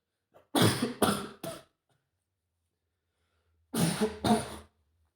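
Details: Adult male with a severe cold lasting over a week has sneezing fits at home: two bursts of short, explosive sneezes, three and then two, separated by a pause.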